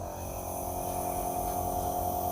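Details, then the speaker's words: Nebulizer compressor switched on after doctor-prescribed liquid medicine is put in the nebulizing cup and the mask placed on the face: steady buzzing hum with constant tone as medicine turns to mist. "Mask മുഖത്ത് വെക്കുക nebuliser machine switch on ചെയ്യുക"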